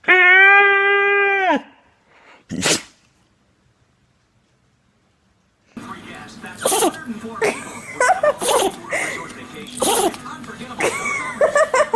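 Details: A puppy sneezing: a high whine or yelp, then one sharp small sneeze, silence, then voices and room noise as someone says he sneezed on them.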